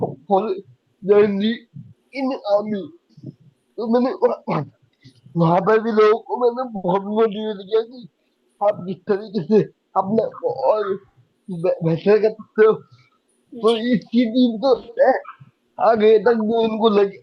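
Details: Young adult man with cerebral palsy since age 2; could not speak as a child and still needs double effort to speak, cannot say things clearly; dysarthria.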